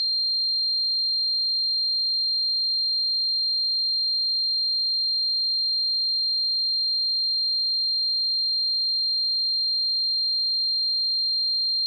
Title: 🔊 Tinnitus Sound Effects: What It's Like to Suffer from Tinnitus